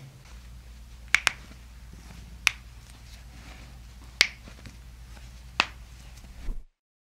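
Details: Several sharp, brief pops over quiet room noise: joint cavitation cracks during a chiropractic spinal adjustment, after a cue for gentle breathing with the shoulders dropping.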